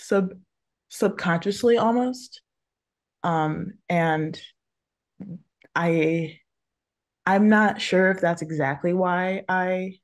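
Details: Adult woman who stutters, with multiple word repetitions audible; stuttering.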